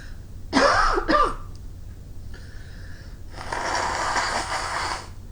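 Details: Person with runny nose after clearing snow outdoors: two sharp, explosive sneezes in quick succession, then a quiet hiss and longer rush of air in a small room; sneezing.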